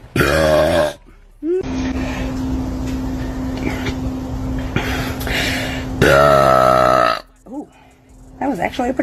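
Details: Woman giving two long, loud, voiced belches with a steady hum of room noise between, after saying "cheers"; belching, as in a burp challenge.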